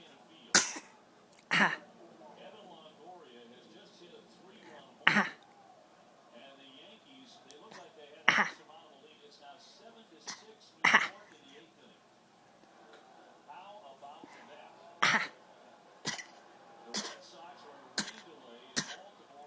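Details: Young child's deliberate fake cough while sitting in a parent's arm on a couch, encouraged to continue: about ten short, sharp coughs, irregularly spaced, with soft talking between.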